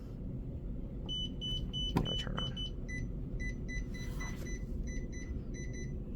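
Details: A Zoll R Series defibrillator being switched into pacing mode: repeated short electronic beeps over steady room noise.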